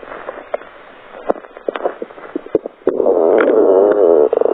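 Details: Stomach growling: scattered gurgles and clicks, then a prolonged rolling growl from the belly; ordinary borborygmi.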